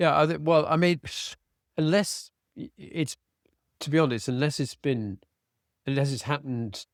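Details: Adult man with aphasia following a sudden stroke, treated with speech and language therapy; residual word-finding difficulty, cannot read a script, fatigues as the day wears on.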